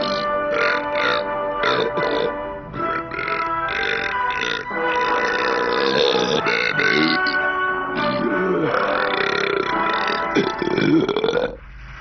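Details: A man burping: a long, drawn-out series of loud, voiced burps over background music; belching.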